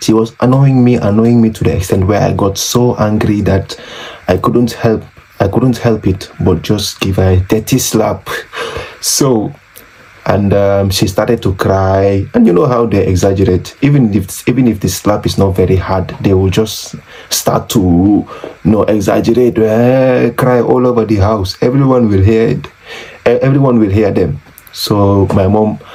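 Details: Adult man who has stammered since age six, very severe through junior and high school, still with trouble on p sounds; stuttering.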